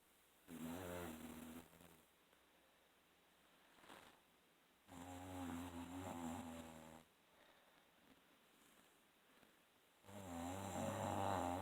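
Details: Three long, low, rumbling breaths roughly every five seconds with quiet pauses between, during sleep; snoring.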